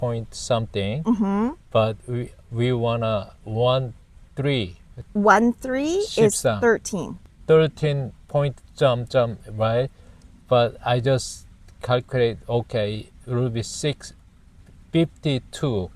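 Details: Aphasia in an adult man after a stroke almost 2 years ago; he struggles to produce words and numbers and says wrong numbers despite correct calculations while trying to state an amount of money.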